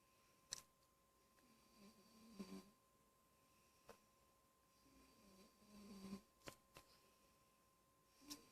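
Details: A child snoring: soft, low snoring breaths with snorts and clicks over a faint steady hum; snoring.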